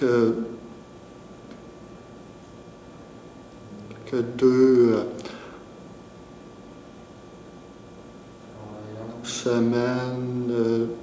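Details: Stuttering in an adult French-speaking man who has stuttered for several years and speaks with great difficulty, with part-word and word repetitions and long blocks.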